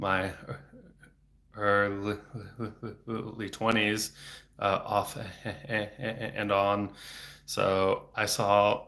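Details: Stuttering in a 34-year-old man, a speech-language pathologist, stuttering since age eight (about 26 years); he had speech therapy off and on until his early 20s and speaks without fluency strategies; frequent repetitions and blocks.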